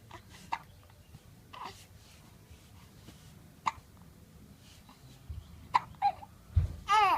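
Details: Hiccups: several short, sharp gulping catches at irregular intervals, with some babbling and a cry-like sound at the end.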